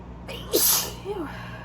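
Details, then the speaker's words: Single sharp allergy sneeze with a quick in-breath before it and a short voiced sound after; the window had been left open and the sneezing had been going on for days. "I'm gonna sneeze again I was right thank you I left the window open for a while"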